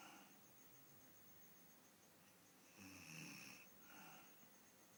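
One loud, rattling snore on a breath in, then a softer breath, over a steady background hum.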